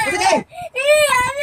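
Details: A young child cries in two wailing, sobbing bursts with a short breath gap, reportedly upset and sad at missing church that day.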